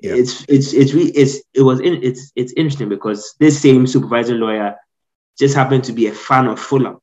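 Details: Adult man who has stammered since childhood, severe growing up, now managed after speech therapy; audible word repetitions; stuttering.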